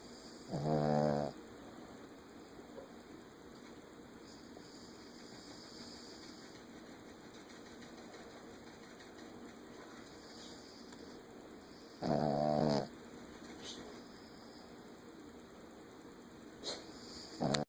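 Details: Pet dog snoring in sleep: two loud, buzzing snores about eleven seconds apart over a steady background hum.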